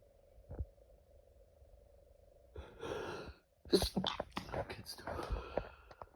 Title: Allergy Season Sneezing Fit